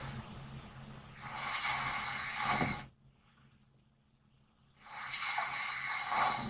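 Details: A person snoring loudly: loud, harsh, hissing breath sounds separated by a quiet pause, typical of heavy snoring.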